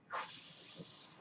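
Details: Breathing sound of the speaker's own mechanical ventilator during speech: a brief rushing hiss of air that starts abruptly and holds steady for about a second as a breath is delivered.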